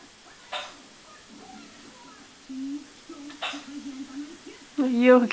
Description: Poor poor...He's got the hiccups!!